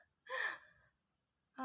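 A single short, sharp intake of breath, the gasp that comes just before a sneeze.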